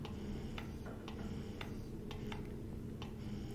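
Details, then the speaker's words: Momcozy M5 electric breast pump demonstrated in let-down mode: low steady motor hum with soft rhythmic clicks about twice a second as the pump cycles quickly through let-down levels. "so I'm going to play the different modes for you so you can hear this is in let down the faster it's a heart and then that this is a one 2 3 4 5 6"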